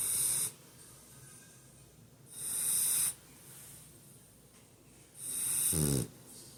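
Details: Sleeping Boxer puppy: a snuffling snore, a loud noisy breath about every three seconds, with a brief snort at the end.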